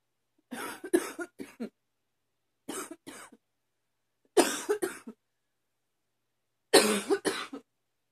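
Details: Person with increasingly frequent allergies, coughing again: four bouts of two to four short, dry coughs separated by silence; recurring cough.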